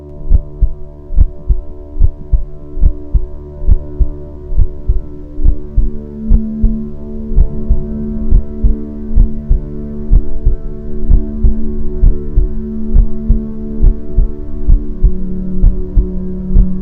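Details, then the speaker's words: Heartbeat sound used as puppy sleep therapy, meant to mimic the mother's heartbeat. Steady, regular low thumps at about 69 a minute, with soft sustained music underneath. "मां की धड़कन की धुन पिल्लों को सुरक्षा का एहसास दिलाती है और उनकी चिंता को दूर करती है। अब हम आपको देंगे 60 मिनट की हार्ट बीट साउंड थेरेपी।"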